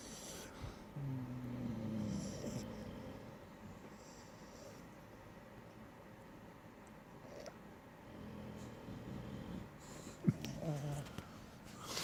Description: Funny snoring French Bulldog